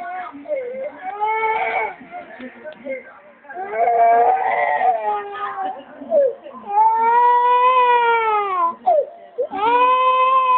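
Long, loud, rising and falling wails with catches of breath between them; an infant crying.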